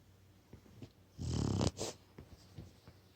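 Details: A brindle Boxer puppy snoring while asleep after a long walk and dinner: one rumbling snore and a short snort, with soft snuffles around them.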